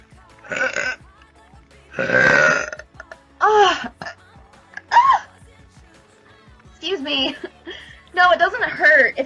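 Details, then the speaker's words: About six loud, drawn-out belches with short pauses, ordinary burping; the burper says it felt good, that gas probably does that to her, and that it makes her stomach jump so she has to stop after a while. "Thank you, Ninja. That felt so good. Probably gas will do that to me."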